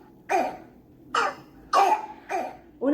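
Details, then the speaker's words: Croup, acute laryngeal disease in a young child following a viral cold: repeated harsh, hoarse, seal-like barking coughs, typical of croup. "y también tenemos eh una tos muy característica llamada la tos perruna o la tos tipo foca que se escucha"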